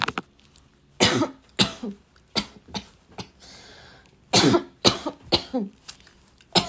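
Repeated harsh, dry, barking coughs in short bursts with brief pauses between them.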